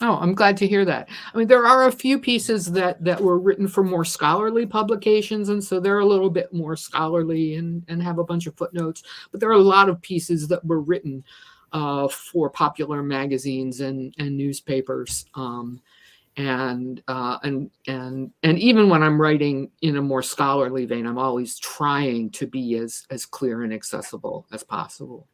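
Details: Adult woman who stutters and describes herself as a person with a disability; word repetitions heard in her speech; stuttering.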